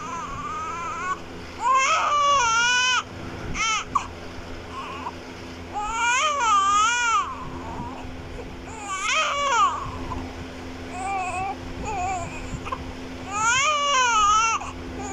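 Repeated wavering high-pitched cries from a newborn, about eight bursts a minute, with quiet gaps and faint room hum.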